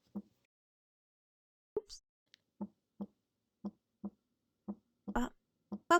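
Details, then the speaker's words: Regular paired heart sounds at about 57 a minute with a split first heart sound, the mitral valve closing before the tricuspid so each is separately audible; split S1. "for the S1 heart sounds this is going to occur when the mitro valve so the mitro on the left closes before the tricuspid valve so it allows each valve to make a separate audio audible sound"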